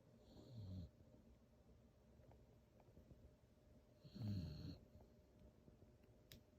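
Two low, rumbling snores a few seconds apart from a sleeping dog, about 16 breaths a minute: snoring.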